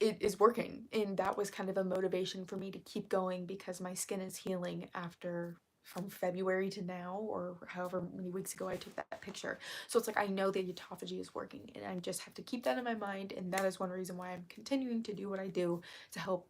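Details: Woman with self-described really bad current vocal fry, which she attributes to speaking quietly so as not to disturb someone in the next room; vocal fry.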